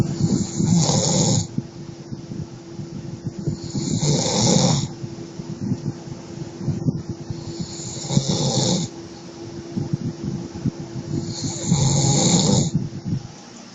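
Loud, rough snoring in four regular breath cycles, about 17 a minute, with a steady background hum.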